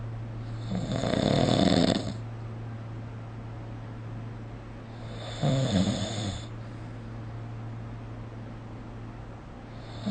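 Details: Snoring during sleep recorded with the SnoreLab app: two loud, rough snores about four seconds apart over a steady room hum.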